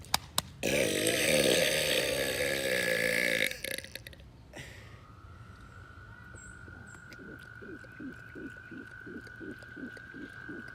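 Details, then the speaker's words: One long, loud deliberate human burp made outdoors to imitate a frog mating call, followed by steady rhythmic frog croaking; burping. "the frogs mistake my burps for a mating call because that's exactly how they're sound so we're gonna be burping to them and see if we get a response"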